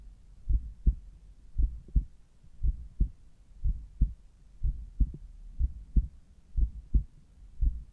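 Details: Morning heart sounds at the apex through a Littmann Cardiology IV stethoscope: steady paired lub-dub at about 60 a minute; normal first and second heart sounds.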